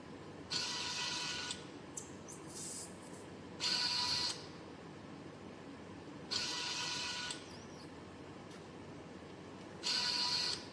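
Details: Homemade Arduino Mega/ESP32-controlled emergency COVID-19 mechanical ventilator running: repeating whirring motor bursts with clicks between them, about 19 cycles a minute, as the ventilator arm drives back and forth.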